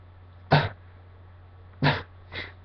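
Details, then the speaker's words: Self-induced sneezes deliberately held back on request, the person saying it hurts their nose: three short, muffled bursts of air over a steady low hum, lacking the usual open blast; stifled sneezes. "someone actually requested they they messaged me to do like the stiffling I think it's called like when you um like holding your sneezes"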